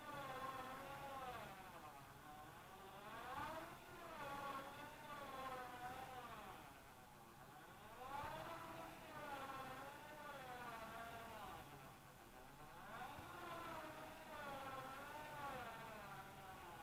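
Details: Home-made 3D-printed mechanical ventilator driven by a power-drill motor (30:1 gearbox plus 3.76:1 reducer): steady motor whine rising and falling in repeating cycles, about 12 a minute.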